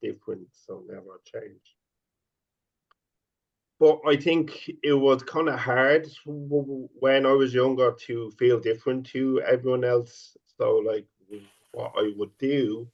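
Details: 50-year-old man who has stuttered since age five and stutters openly; stuttering.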